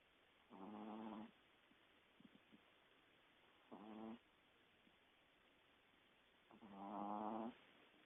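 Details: Dewey snoring: three slow, buzzing, voiced snores, each about a second long, separated by quiet pauses of several seconds.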